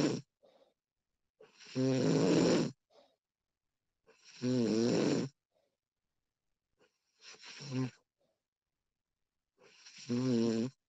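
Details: Snoring recording of a sleeping woman: loud voiced snores on the in-breath about every three seconds, quieter breath sounds between; ordinary adult snoring.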